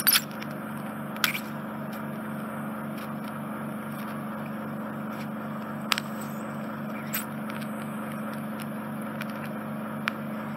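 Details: Endoscopic suction near the eardrum of a man's infected, smelly right ear canal blocked by dead skin and debris: steady low suction hum with scattered sharp crackles and pops as debris is drawn off the eardrum.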